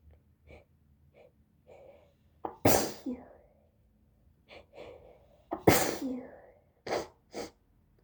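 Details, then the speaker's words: Girl with a cold since yesterday, plus allergies, starting a sneezing fit she can't hold in: two loud explosive sneezes, each preceded by catching breaths, with small sniffs and short breaths between. "guys, I can't stop. I'm trying to hold in my sneezes, but it doesn't work, you guys."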